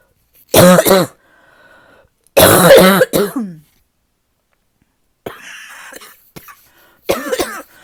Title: #5 - this might be my deepest barking cough yet